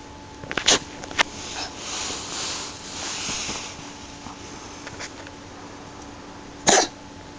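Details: A cat, Lexi, coughing: a few short, sharp, dry bursts separated by quiet gaps, with soft breathy noise between them.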